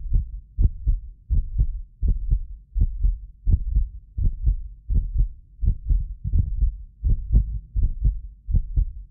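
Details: Heartbeat of a self-described medically fit person, recorded with several precision contact microphones: regular low thumping at about 83 a minute, each beat a soft double thud. Normal heart sounds.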